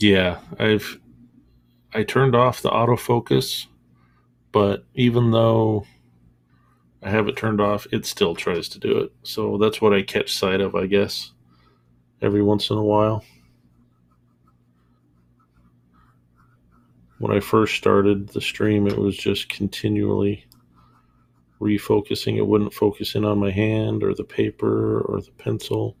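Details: Stuttering in an adult man, real, who has stuttered since childhood; it now shows as a stammer with mid-sentence pauses and worsens under stress. He says commercials playing in his earbud were making him stutter more than usual here.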